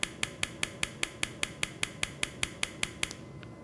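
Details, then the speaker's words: Acoustic rhinometer during nasal testing for sleep apnea screening, breathing normally then pausing breath: sharp evenly spaced clicks about 150 a minute as sound waves measure the nasal passage. "all it's going to do is use sound waves to measure the size of your nasal passage ok I'm going to hear a little clicking sound"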